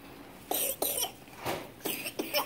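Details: Five short coughs in quick succession from a sick young boy, in a quiet indoor room.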